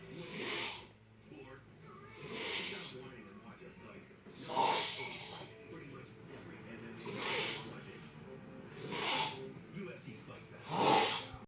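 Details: Loud irregular snorting snores every few seconds, gurgling and wet like a sump pump, with quieter noisy breathing between; snoring.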